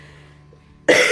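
After a second of quiet room sound, one sudden loud cough bursts out and is cut off; an adult's cough during influenza.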